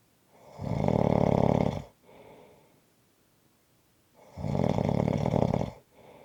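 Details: Loud rattling snore on each breath in, softer breath out, long pause between breaths, about two breaths in six seconds: ordinary snoring.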